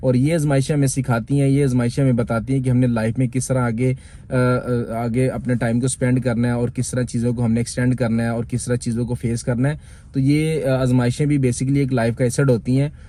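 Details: Adult man speaking Hindi-Urdu; typical adult speech.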